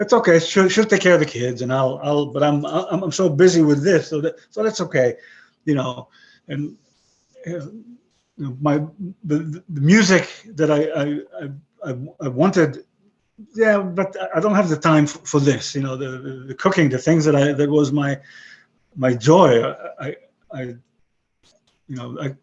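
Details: Aphasia after a stroke about 11 years earlier in a 62-year-old man; most languages lost, English described as broken.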